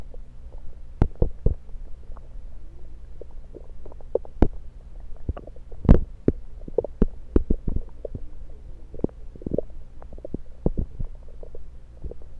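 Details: Stethoscope placed at different spots around the belly: scattered gurgles, clicks and soft pops; ordinary active bowel sounds.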